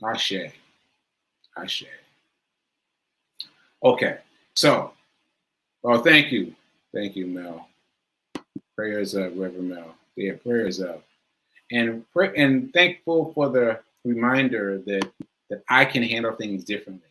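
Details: Man with aphasia, which he says is affecting him today, losing track of his point; word repetitions; aphasia.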